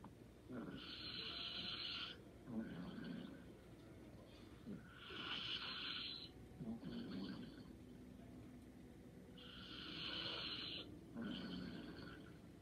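Three rattling snores on the in-breath, each followed by a softer out-breath, about 15 breaths a minute: light snoring in sleep.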